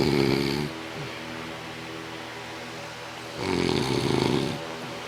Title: Dad Snoring